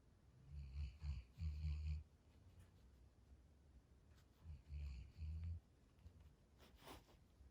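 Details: Snoring of a sleeping big puppy, dream walking: low rumbling snore bursts, about two breaths heard.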